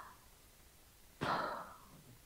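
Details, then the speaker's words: A single sudden, heavy gasping breath after silence, simulated abnormal breathing demonstrated in fire-safety CPR training: agonal breathing (gasping) in an unconscious person, a sign of cardiac arrest. "이런 두 가지 제가 지금 보여드린 호흡은 사실은 돌아가시기 전에 마지막 호흡, 바로 임종 전에 호흡일 가능성이 있습니다."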